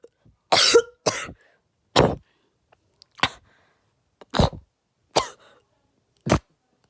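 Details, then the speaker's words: Chronic cough in a child who coughs a lot, feels something in the throat, and sometimes vomits when coughing after eating: seven separate dry coughs in about seven seconds. "So I start coughing, and when I start coughing, it like goes, and then like if I ate something before, I like start throwing up."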